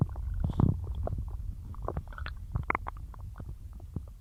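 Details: Bloated stomach after a massive lunch of cheesy pasta and a large chug of milk: continuous low borborygmi rumbling with gurgles and squeaky, bubbling pops.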